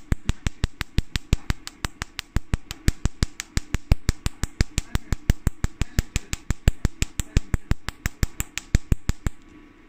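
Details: Portable Nd:YAG laser firing in carbon peel mode, frequency about 5–6, power 300–400: rapid, evenly spaced sharp snapping pops, several each second, as the carbon disappears.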